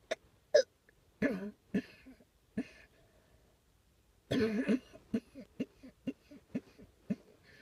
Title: coughing